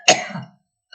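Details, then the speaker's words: Adult woman with a very hoarse voice who reports parotitis, bronchitis, rhinitis, sinusitis and tracheitis and says she is coughing: a single short, harsh cough blending into a throat clear, fading within about half a second. "Ça m'a beaucoup transformée puisque j'ai le visage gonflé par une parotidite, bronchite, rhinite, sinusite, trachéite, je tousse."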